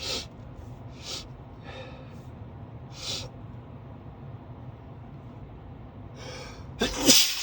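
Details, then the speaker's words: Adult driver commuting to work, snorting and sniffing repeatedly over road noise, then a loud sneeze; allergic sneezing, possibly from pollen (high pollen count), despite daily allergy medication. "Sometimes I start sneezing [clears throat] [snorts] at the parking lot at my job, [snorts] but today they decided to start early. [snorts] while I'm still commuting, [snorts] which is awesome."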